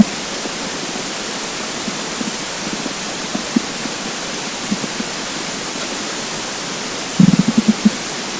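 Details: Hungry, empty stomach: steady hiss with a few faint low gurgles, then a brief burst of bubbling stomach rumbles near the end; borborygmi.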